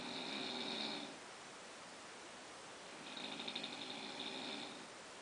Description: Noise the nose makes while sleeping